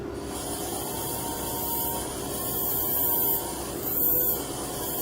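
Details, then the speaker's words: Phaco handpiece in cataract surgery on a soft posterior subcapsular cataract with small pupil (about 3.5–4 mm), emulsifying pre-divided nuclear pieces: steady hissing, whirring hum with faint swelling tones. "Now I go in with the handpiece, remove some superficial cortex and pick up each free nuclear piece and emulsify."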